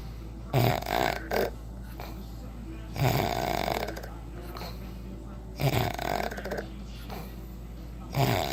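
Loud rattling snores recurring about every two and a half seconds, roughly 24 a minute, over a low steady hum.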